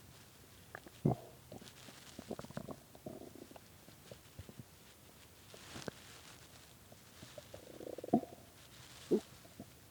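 Irregular gurgling and squeaky rumbles from the belly, with a few louder bursts, in a quiet room: hunger stomach growling, a normal bowel sound.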